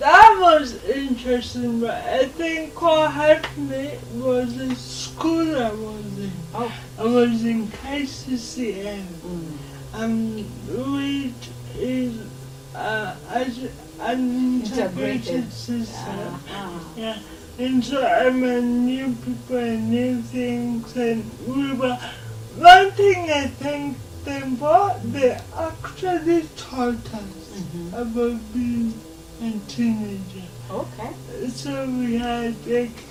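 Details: Dysarthria in a 26-year-old woman with lifelong cerebral palsy; her speech is often not understood by others.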